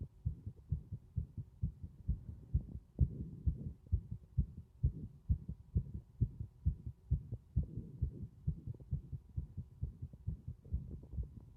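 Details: Regular low heartbeats at about 65 a minute, with prominent soft breathing noise swelling and fading underneath; heart sounds with breath sounds.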